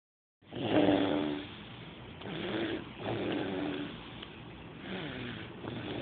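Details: Snoring: slow, rough, rumbling breaths rising and falling over several seconds, steady snoring.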